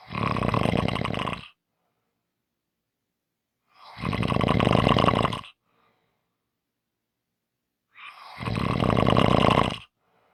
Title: Short snoring Audio